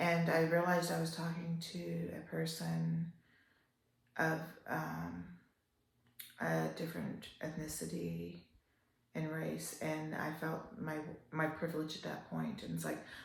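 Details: Adult woman with upper motor neuron onset ALS, a slow progressor almost 3 years into the disease, with worsening spasticity and breathing episodes; trying to talk louder and expects to lose her voice; dysarthria in ALS (spastic type).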